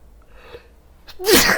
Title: Sneezing with headphones